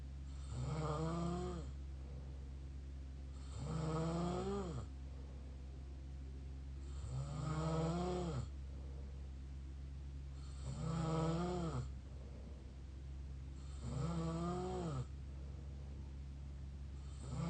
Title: mouth snore pt 2